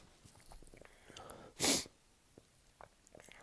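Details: Adult with a cold who has been sneezing all day for three days: soft breathing, then a single sharp hissing sneeze followed by quiet sniffles; part of a small sneezing fit.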